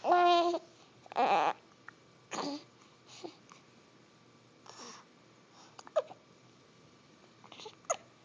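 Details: Baby trying to fall asleep: short voiced sounds, then a few abrupt, catchy hiccup sounds spaced several seconds apart, over quiet room noise; hiccups.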